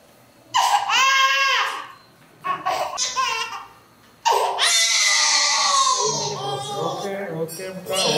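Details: Loud, high-pitched wails in bursts separated by short pauses from a scared infant just before going under anesthesia for surgery; distressed infant crying.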